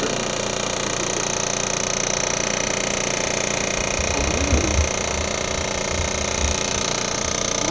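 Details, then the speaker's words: Steady rapid mechanical buzzing and rattling of a percussive vibration therapy device run over the calf of a patient after hip replacement surgery, at a chiropractic clinic, preparing the tissue before radial shockwave therapy. "this won't really feel like anything just kind of like vibrations this wasn't this isn't the but time just moving it around getting the tissue ready for the other radial"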